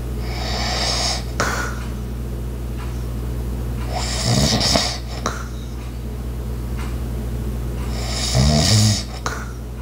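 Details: Soft rattling light snores with each breath over a steady hum of background appliance noise, such as an ice maker and clock; snoring.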